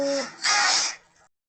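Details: A single sneeze: a short voiced lead-in, then a sharp, loud hissing burst that fades quickly.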